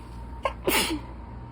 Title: Allergy attack part 5/reading and sneezing part 3!